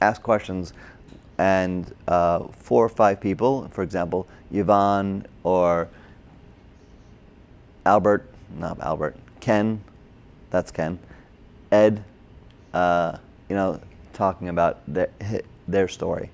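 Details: Adult man, a former paramedic, with Broca's aphasia from a stroke during heart surgery in 2007, about 10 years earlier; difficulty with names, numbers, reading and writing; had OT, PT and speech therapy; Broca's (expressive) aphasia.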